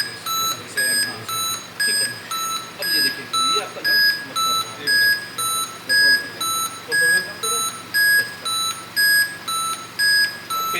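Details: Ventilator alarm beeping during a demonstration of a newly installed hospital ventilator running on a test lung: steady two-tone electronic beeps, about one per second.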